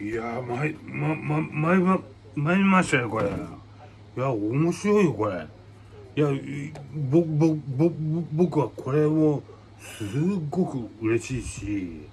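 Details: Aphasia in a man, with hemiplegia and paralysis after brain hemorrhage per hashtags; aphasia.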